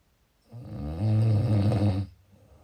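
A single deep, rattling snore on a breath in, low and vibrating, lasting about a second and a half.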